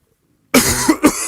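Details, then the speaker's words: A short run of sharp, moist-sounding adult coughs with throat-clearing, about three bursts in a second, during a French interview; the speaker says they don't smoke. "Tu parles, je fume que dal. [raclement de gorge][toux] Attends 5 minutes. Désolé hein."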